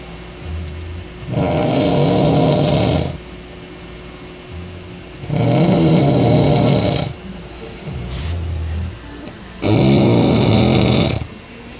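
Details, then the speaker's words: Adult man snoring loudly in his sleep, as he does every night: loud, rough, rattling snores on three breaths, about 15 breaths a minute, with a faint steady tone in the room; heavy snoring. "oh and that's how he snores every single night I have to live with this guy but he's cool but this is how he sleeps and he snores that loud every night"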